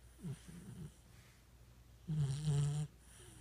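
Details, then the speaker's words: Sunny, a dog sleeping in a chair, snoring: a couple of low rumbling snorts with quieter breathing between, over faint room noise. "And then over here. We've got Sunny. Just snoring away."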